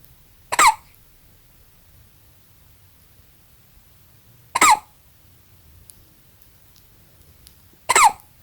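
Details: A newborn baby 8 hours old with hiccups: three brief, squeaky, abrupt gulping sounds spaced a few seconds apart in a quiet room.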